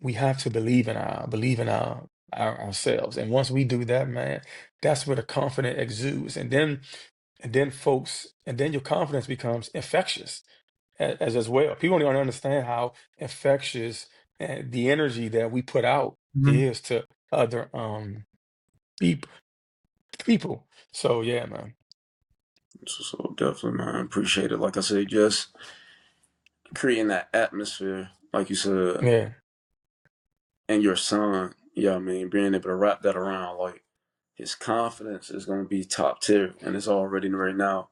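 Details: Stuttering in an adult man who has stuttered since childhood, speaking in a real podcast interview.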